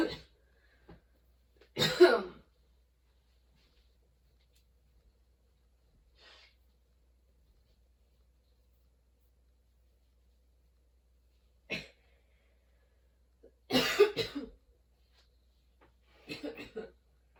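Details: Sudden-onset, nonstop coughing fit that kept worsening, bringing tears and frequent position changes: forceful coughs separated by long quiet pauses.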